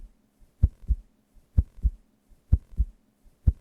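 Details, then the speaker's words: Regular paired lub-dub heart sounds at about 63 beats per minute, clear and steady; normal heart sounds illustrating the cardiac cycle. "El ciclo cardíaco comienza desde un latido hasta el comienzo del siguiente, lo que sucede en 0,8 segundos."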